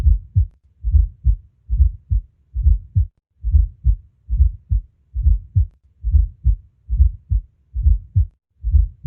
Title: Ausculta cardíaca - B4